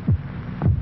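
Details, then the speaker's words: Human heartbeat in an old headache-remedy commercial, 72 beats in 60 seconds: one steady beat, two low thuds about half a second apart over a low hum; normal heartbeat. "this message will last 60 seconds 72 heartbeats"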